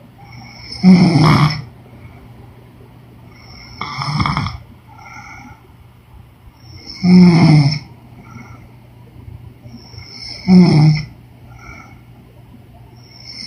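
Loud rattling snores on each breath in, about 18 a minute, with quiet breaths out between them; ordinary snoring.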